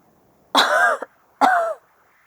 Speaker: that is also a pretty good cuff I'll give it a 6 hour out of 10